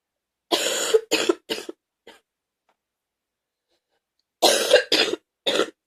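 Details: Morning gaggy wet cough: two bursts of three harsh coughs separated by a pause, with a gaggy quality; wet productive cough.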